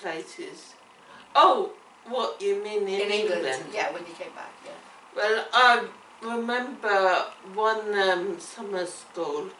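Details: Woman with cerebellar ataxia affecting her coordination, speech and swallowing; ataxic dysarthria.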